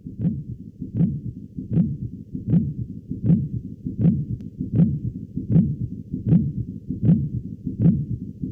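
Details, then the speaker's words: Pericardial knock in severe constrictive pericarditis: regular heartbeat near 79/min with a sharp extra sound in early diastole shortly after S2, louder and earlier than an opening snap. "nstrictiva grave va a aparecer en una fase temprana de la diástole diástole sería esto de aquí eh Poco después del s2 aquí tenemos al s2 aquí tenemos a nuestro chasquido pericárdico y va a estar después del chasquido apertura"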